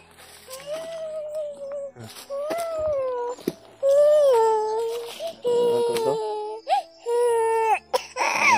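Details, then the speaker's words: Young child whose cough and cold are worsening and who cries constantly: long wailing cry bursts with whimpers between breaths, in a small room; crying. "Tapos ganito po yung sitwasyon namin, laging umiiyak."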